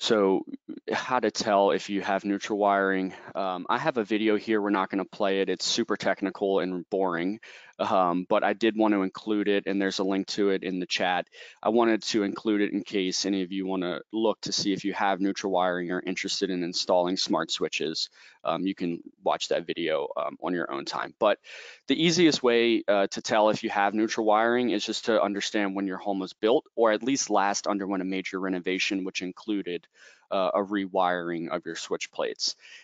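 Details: Adult man speaking; normal speech.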